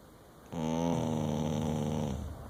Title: Dingo sleeps and snores